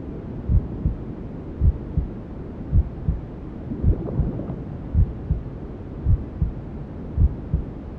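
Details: Sleep sound for newborns: low, muffled double heartbeats at about 55 a minute under a steady whooshing hiss of white noise, imitating the mother's heartbeat and sounds heard inside the womb.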